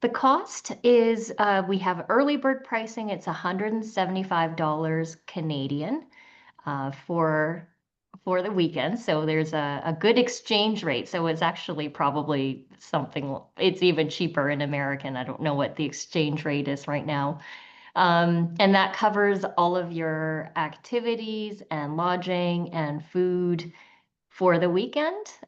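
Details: Adult woman; normal speech.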